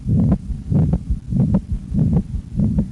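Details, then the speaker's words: Whooshing systolic murmur heard at the mitral area (left midclavicular line), filling the gap between S1 and S2, heartbeat about 95 a minute: systolic murmur consistent with mitral regurgitation. "we hear the wishing in the first between the lap and the dub not between the dub and the love so that means if it's between the love and the dub the s1 and s2 that's system so do we hear murmur yes when in systole"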